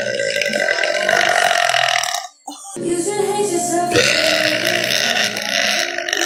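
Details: Woman lets out two loud, drawn-out, voiced belches separated by a brief pause, with music playing behind them; belching.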